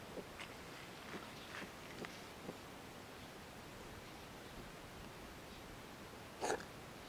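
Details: Quiet room with a few soft sniffs and clicks, then one sharp, brief sneeze from a cat near the end.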